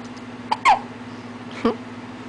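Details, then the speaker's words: Hiccups in a 3-week-old: two sharp, abrupt hiccups about a second apart over a steady background hum. "Get the video camera out and the hiccups stop."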